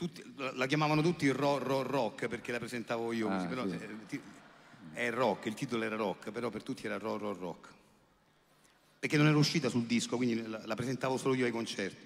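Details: Adult man who has stuttered since youth; it was treated over the years and is mostly resolved but still recurs occasionally, speaking live on stage; stuttering.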